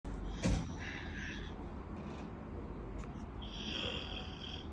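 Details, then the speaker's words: Loud rough snort-like snore then low steady rumbling breath noise while sleeping on the back, with breathing pauses of about 10 seconds (apnea) noted; snoring in sleep apnea. "bu bir şey değil hocam bu arkası üstü nefes gitti Şu an apneye girdi Bak 1 3 5 bak 10 saniye geçen nefes durmaları var geliyor tekrar geri arkası üstü"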